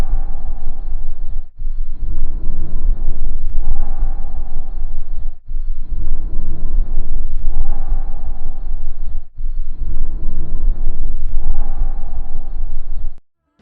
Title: Sons Pulmonares Normais - Som na Ausculta Pulmonar - Semiologia Interativa.